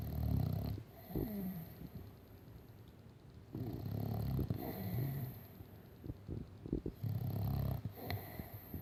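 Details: Loud, rough, low snoring from a sleeping Staffy dog, in irregular bursts with rattling snorts between breaths.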